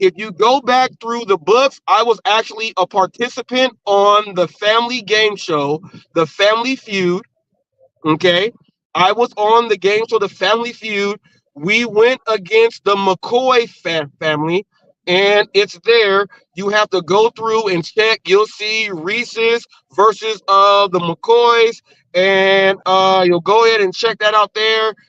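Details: Adult man speaking; normal speech.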